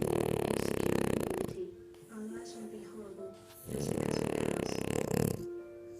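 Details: French Bulldog asleep after a long walk: loud, coarse, vibrating snores in long rattling bursts with background music between; snoring.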